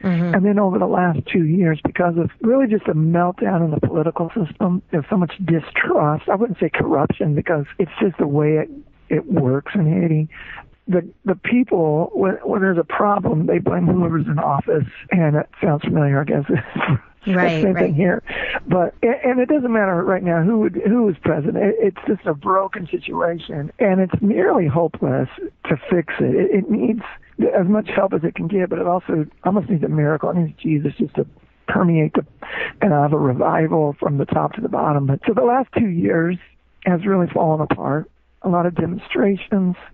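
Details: Adult male former rock lead singer with diagnosed spasmodic dysphonia, involuntary spasms of the muscles around the larynx, which left him unable to sing; spasmodic dysphonia.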